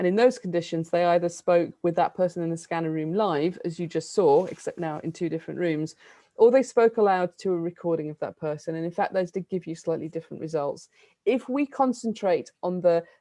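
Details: Adult woman speaking; Normal speech.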